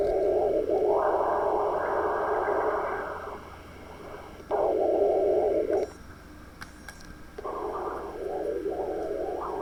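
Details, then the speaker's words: Hepatic vein spectral Doppler audio in a patient with liver cirrhosis, another vein sampled: pronounced monophasic waveform, components not identifiable; monophasic hepatic vein Doppler signal. "y vemos que la onda monofásica es mucho más pronunciada no se pueden identificar los componentes adecuadamente"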